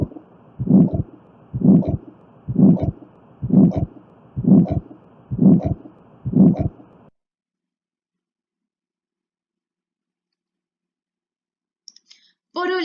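Regular heartbeat at about 64 a minute with a harsh murmur in each beat, a pulmonary stenosis systolic ejection murmur; a voice begins at the end.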